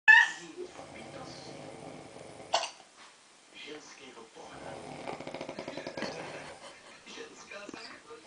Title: kdopak to tu chrápe?